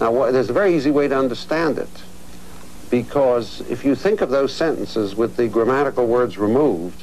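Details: Adult male speaker; Normal speech.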